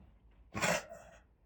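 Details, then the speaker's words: Single harsh, forceful cough from one of four dogs with kennel cough for about a week; a mild case, with coughing when the dogs exert themselves or get up. "Here's Big Gus. Here's Sunny. Oh, he's coughing still."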